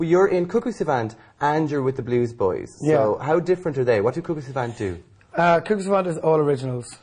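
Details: Adult male speaker, conversational speech; normal voice.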